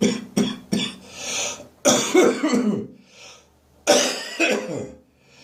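Harsh, dry, hacking coughs in clusters with throaty retching between, a dry cough lingering after bronchitis.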